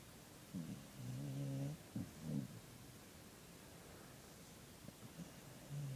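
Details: Dog named Poppy snoring: low, irregular rumbling snorts with soft whining tones while asleep, over quiet room noise.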